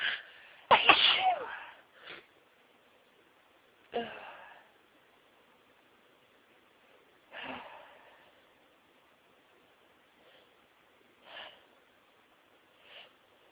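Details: Sneezing fit, the biggest of a day of sneezing that began at work: a loud sneeze, then several smaller and stifled sneezes with quiet gaps.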